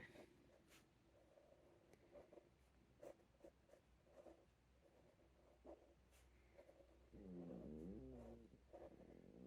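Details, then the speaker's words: Audible stomach rumbling (borborygmi) in an adult who has just changed to a healthy diet, which is said to upset the tummy at first. "Sorry if you can hear my stomach rumbling. I am trying to eat really healthy. Change in diet always upsets your tummy to begin with, doesn't it?"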